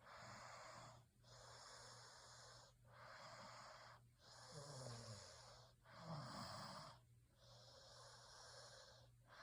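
Hissing, noisy breaths in quick succession with a couple of low snorting snores, fitting noisy sleep breathing with snoring.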